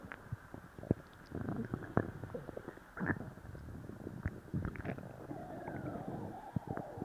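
Frequent gurgling, bubbling and rumbling bowel sounds: loud stomach growling, or borborygmi, after a laxative.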